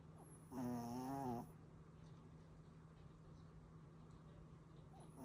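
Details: A sleeping puppy gives one tonal, buzzing snore about a second long, followed by quiet breathing against faint room hum; snoring.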